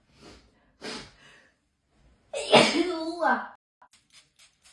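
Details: Hay fever sneeze attack: two soft intakes, then a loud explosive voiced 'achoo'; allergic sneezing from pollen.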